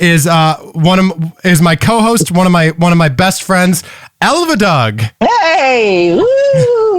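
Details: Man with Tourette syndrome whose vocal tics include palilalia (repeating words or syllables), which has increased over the past couple of years, plus echolalia and squeaking; finding: vocal tics with palilalia (Tourette syndrome).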